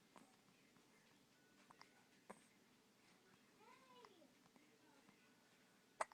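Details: One-month-old infant boy with hiccups: a few sharp, brief catching sounds at irregular intervals, with a soft whimper between them.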